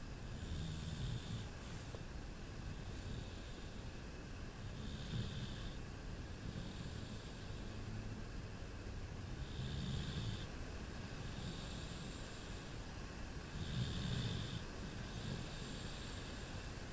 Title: Sir Snores Alot!